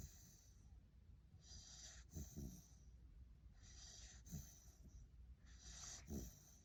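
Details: Sleeping puppy snoring: soft repeated breaths, about three cycles in under seven seconds, with low rattly snorts on each breath.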